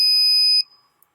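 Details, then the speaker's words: A single high-pitched electronic beep lasting about half a second as an Eclipse 5 portable oxygen concentrator powers on after its power button is held for two to three seconds. "to power the unit on press the top left hand button the power button and hold it down for about two to three seconds once you hear the beep release it"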